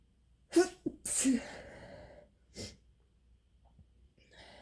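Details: Induced sneezing: a sharp catch of breath, then a single forceful sneeze and a short exhale afterward.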